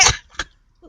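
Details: A woman gives loud, forceful belches with a barking quality, said to be 'barking' at parked cars: one harsh, abrupt bark-like burst, then a shorter second one, in a quiet room.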